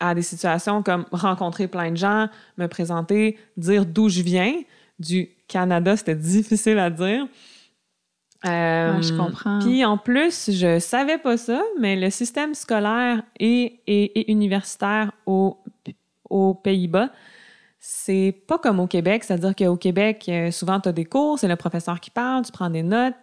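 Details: Adult woman who stutters, diagnosed at age 7, with a family history of persistent stuttering; she masked it until about age 21; stuttering.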